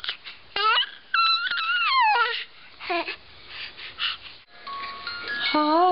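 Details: Infant squealing, with high-pitched squeals and short cry-like vocal bursts in a small room; ordinary infant vocalizing.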